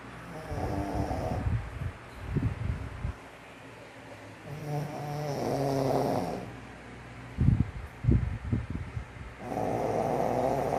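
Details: Max, a sleeping pug, snoring loudly: rhythmic, rough buzzing inhalations and snorty exhalations repeating about every four seconds.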